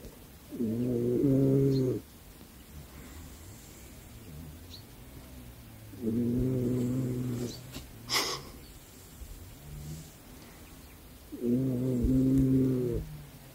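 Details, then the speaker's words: A sleeping dog snores in slow, regular, droning bursts, about 11 per minute, against quiet room noise. "Le lendemain légèrement froid mais ensoleillé... on entend le ronflement de Lestat en fond sonore :-)"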